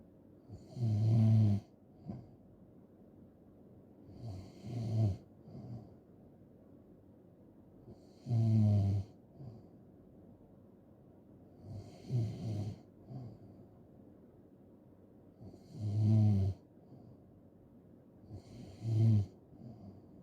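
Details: Loud, rattling snores on each in-breath, roughly eight breaths a minute, with soft breathing between them; snoring ASMR recording.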